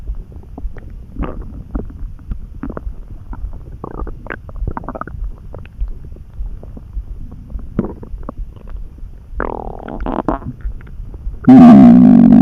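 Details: Sudden stomach rumbling in a person who was neither hungry nor too full, felt in the pit of the gut and eased by a snack; gurgling, bubbling squeaky rumbles ending in a loud sustained growl; borborygmi.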